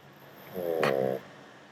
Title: roncando